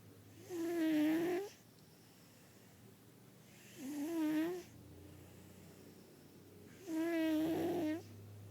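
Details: A fat sleeping cat gives three loud, buzzing snores, about 19 breaths a minute, in a quiet room: snoring.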